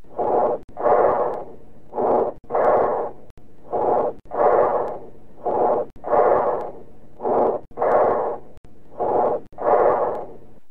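Loud, harsh, hollow breath sounds with a clear gap between breathing in and out: bronchial breathing.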